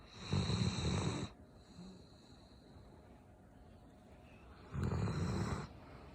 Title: snoring